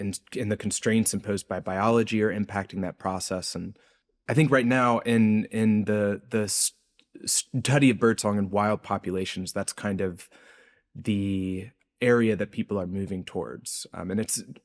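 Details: Adult male researcher with a self-reported speech impediment present throughout the interview; this stretch has word repetitions; stuttering (disfluent speech with repetitions).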